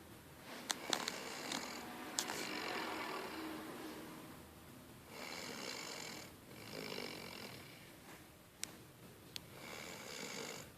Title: Hilarious old man snoring